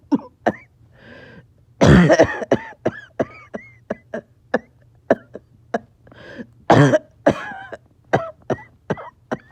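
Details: Back-to-back coughing fits in a person who is a little short of breath: two long runs of harsh coughs in quick succession with throat clearing between them.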